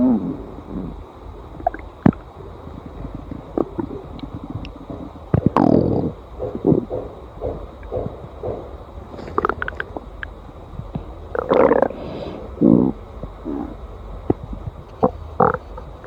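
Irregular gurgling and rumbling from the belly with bubbly bursts over a steady background hum; ordinary stomach growling.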